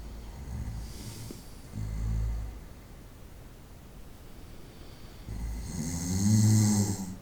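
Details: Night-time snoring from a 25-minute recording of an adult asleep, with loud, rough snores on the in-breath and quiet pauses between; snoring.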